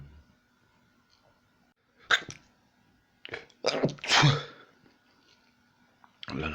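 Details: Person who has sneezing bouts daily: several explosive sneezes in quick succession, some with a voiced lead-in breath, in a quiet room; repeated sneezing.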